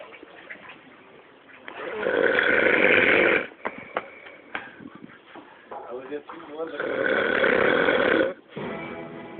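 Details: Sleeping one snoring heavily: loud, rough snores on each inward breath, about two seconds long, with background music and faint voices between them.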